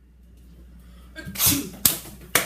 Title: TYPES OF SNEEZES